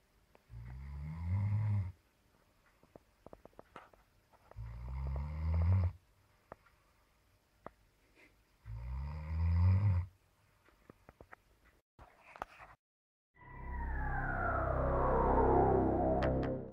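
Regular loud rattling snores, about four in the clip, with quiet pauses and small clicks between; the last snore is longer and drawn out.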